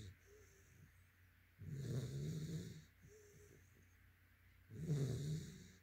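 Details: Yellow/white Labrador retriever, male, sleeping: two low, rumbling snores, each about a second long and about three seconds apart, with quieter breaths between; snoring.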